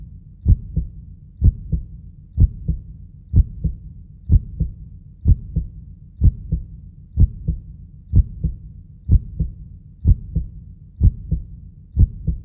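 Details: Heartbeat sound for soothing babies to sleep, meant to evoke the womb: steady, even normal heartbeat at about 62 beats a minute, with clear paired lub-dub sounds in a regular rhythm.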